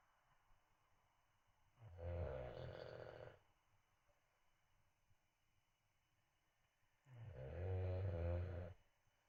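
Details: A sleeping bulldog puppy snoring: two long, low, rattling snores about five seconds apart in a quiet room.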